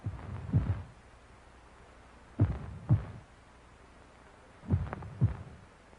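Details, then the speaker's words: Turtle's heartbeat shown in a 1957 educational science film: soft low thumps in pairs, slow and somewhat irregular, about 26 per minute. "hey mine goes faster than the others that's because you're small Mr bird small animals lose heat faster than large ones so their blood must circulate faster to keep their bodies warm"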